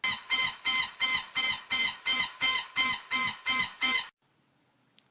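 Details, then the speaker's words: Rapid, regular high-pitched alarm pulses, about 170 a minute, then silence, from the Pro-Nox 50/50 nitrous oxide–oxygen delivery system; its oxygen low-pressure alarm cycles at 180 per minute: oxygen low pressure alarm. "the nitrous oxide low pressure alarm cycles at 40 cycles per minute the oxygen low pressure alarm cycles at 180 cycles per minute"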